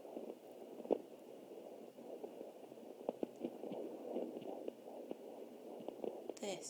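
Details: Placental flow noise on a Jumper home fetal Doppler at 20 weeks + 7 days with an anterior placenta: muffled, rushing, irregular whooshing with scattered clicks, not the fetal heartbeat.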